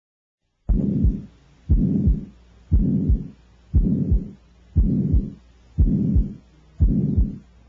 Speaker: The Continuous murmur of pton ductus has a Machinery like quality it must be distinguished from the murmur of combined aortic stenosis and aortic regurgitation the two and fro murmur listen now to the sound of the continuous murmur of pton ductus